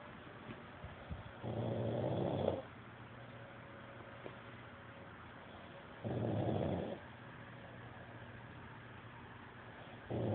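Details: Man snoring: low rattling snores on a slow breathing rhythm, about three breaths in 10 seconds, with quiet pauses between; ordinary snoring.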